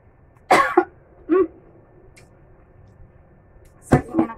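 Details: Coughing while eating very spicy food with sambal: several short coughs and throat-clearing bursts in two clusters with a quiet pause between.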